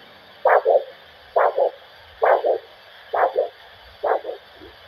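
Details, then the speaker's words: Handheld Doppler probe held lightly at foot arteries during vascular assessment: regular whooshing pulses about 67 a minute, one strong sound closely followed by two softer; normal triphasic multiphasic arterial signal. "you can hear three Sounds here you've got to listen very careful you've got one sound and then two sounds that follow quite closely"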